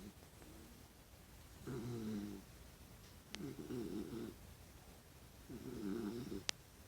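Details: Sleeping rescue dog snoring and kicking his feet: rough, buzzing snores on three breaths, about 29 a minute, with a couple of sharp taps between; snoring.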